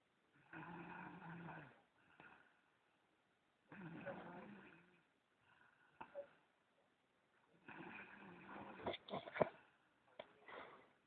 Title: Secret prank cam - SNORING